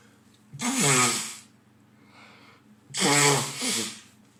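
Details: Adult man sneezing very often through the day; partner hopes he is not getting a cold again. Two forceful, explosive sneezes about two seconds apart, each a voiced burst with a hissing rush of air.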